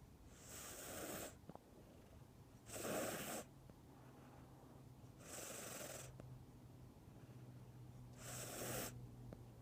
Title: cat snores